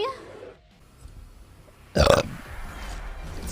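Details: Girl burping in a compilation: a single loud, low, rumbling belch lasting a fraction of a second, with quiet room noise around it.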